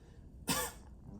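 A single short, forceful voluntary cough from an adult, done on request to check for hernia bulging.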